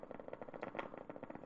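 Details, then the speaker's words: Quantitative needle EMG: motor unit potentials recorded as the needle is moved to different positions and directions within the muscle, with one very high-amplitude spike appearing infrequently. "we get one very high Spike occasionally that come very in frequently but it was accepted"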